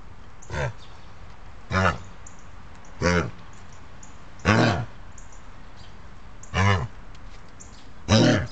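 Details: Dog named Gilbert coughing oddly, owner wondering if he is hot: six short, hacking cough bursts a few seconds apart, with quiet room noise between them.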